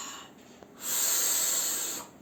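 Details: Symbicort-type dual-action preventer dry powder inhaler in use: a faint click, then a steady, forceful hissing breath in.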